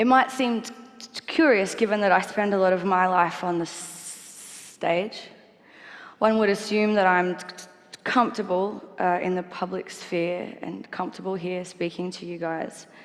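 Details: Stuttering in a 28-year-old woman, a singer-songwriter, who has stuttered since childhood; she copes by avoiding the "st" combination and proper nouns and swapping words at the last minute, and does not stutter when singing.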